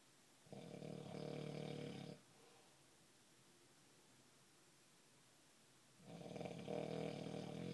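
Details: Loud, rough, fluttering inspiratory snores, two in under eight seconds, separated by a quiet pause.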